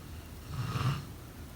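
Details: Snoring: one low, rumbling snore on an indrawn breath from a sleeping adult.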